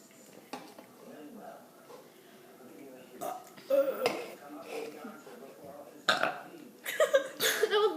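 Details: Several loud, drawn-out burps after drinking Coca-Cola, with chatter and laughter between them; deliberate belching after a fizzy drink.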